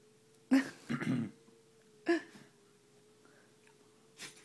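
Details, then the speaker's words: Short bursts of harsh, snorting, throat-clearing sounds separated by pauses from a dog, described as doing "backwards sneezes": a reverse sneezing episode. "oh you know I've never really seen backwards SES till he came along baby was doing it"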